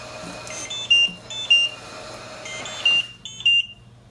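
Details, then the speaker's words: Trilogy ventilator alarm: repeating high-pitched electronic tones in short bursts after the humidifier heater circuit is disconnected, then silenced with the reset button as readings return. "And you see you have your alarm. You're going to press the reset button. Okay? So your numbers are going to come back up in 1 second."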